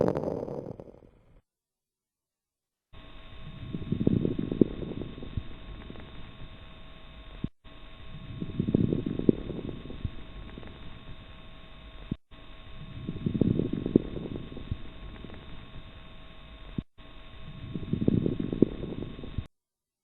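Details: Coarse crackles: low, bubbly popping crackles over four breaths at about 13 breaths per minute, pointing to secretions in larger airways.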